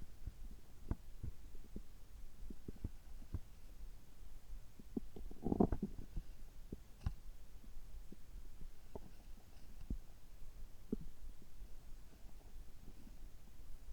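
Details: Adult immediately after upper endoscopy (gastroscopy) at a health check, result normal: soft low gurgles, irregular clicks and rumbles from the abdomen with one louder gurgling burst; ordinary stomach and bowel sounds.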